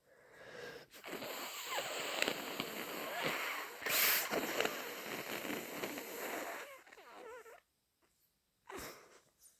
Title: 2 messy cold sneezes plus lots of snotty, gurgly blows 🤧🤧